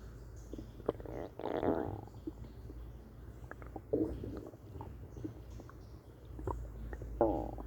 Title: Stomach noises